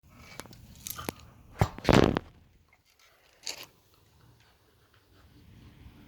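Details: Coughing after first inhaled hit of DMT smoke, which tasted weird: a few short, harsh bursts building to two strong, loud coughs, then a softer one, from irritated airways.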